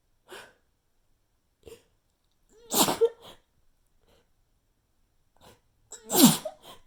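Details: Sneezing fit from a persistent tickle that never produced a strong sneeze: several small, stifled, weak sneezes with quiet breaths between, two somewhat stronger; a nose blow follows near the end.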